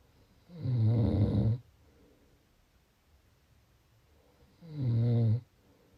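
Two loud, low, rattling snores about four seconds apart with quiet between; typical snoring from throat vibration during sleep.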